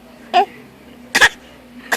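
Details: A child giving a few short, light, deliberate pretend coughs in a quiet room.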